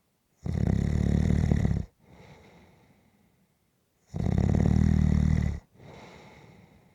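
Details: Snoring during a nap: two loud, rough inward snores, each followed by a softer outward breath, about eight breaths a minute, ordinary snoring.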